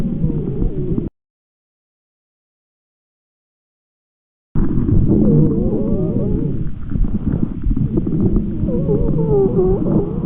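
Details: Stethoscope breath sounds with added musical and crackly adventitious sounds, cut by a silent gap; the adventitious sounds were labelled by at least 8 of 10 pulmonology specialists.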